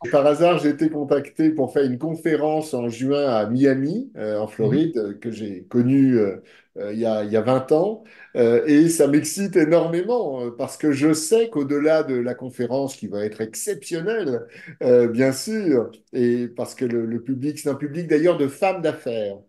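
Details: Adult man speaking French; typical speech.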